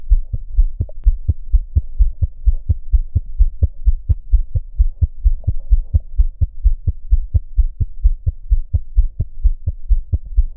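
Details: Normal newborn heart sounds: rapid, regular lub-dub beats at about 130 a minute, a normal newborn heart rate and rhythm.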